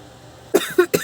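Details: Recording from the Philippines titled as loud sneezes: three quick, sharp bursts in a row, like short coughs or sneezes.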